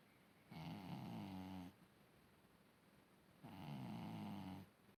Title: Niti is snoring very loudly 😸 (volume up🔊)